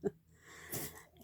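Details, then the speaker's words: A female Shih Tzu, a short-nosed breed, has a coughy, sneezy spell: a quick snort, then a hissing, sneeze-like burst of air through the nose; the owner says she is fine. "My dog's having a little bit of a coughy sneezy thing, so if you hear it, I promise you she's fine. She is a Shih Tzu. so their noses are short. They do that a lot."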